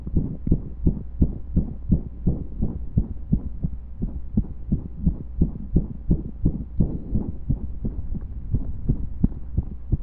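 Steady, strong heartbeat thumps over a low hum, with the occasional skipped beat breaking the regular rhythm.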